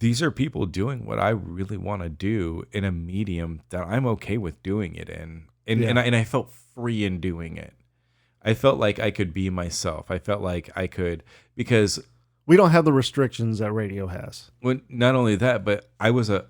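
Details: Adult male who says he has a stutter that is not very prominent, mainly repeating whole words or phrases rather than hanging on syllables or consonants; mild stuttering with repetitions.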